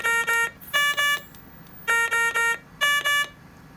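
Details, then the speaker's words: A ventilator in CPAP mode with the apnea interval set to 20 seconds sounds repeated bursts of high-pitched electronic alarm tones. The patient has stopped breathing and the machine switches to apnea ventilation. "machine will start giving breaths and it will alarm to let you know your patient stopped breathing"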